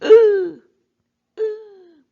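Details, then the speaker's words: An adult imitates laryngeal stridor in children, for example during anaphylactic reactions, with two harsh, high-pitched crowing sounds on drawing breath in. "geralmente estridor laríngeo vai aparecer Então ela o som é mais ou menos assim"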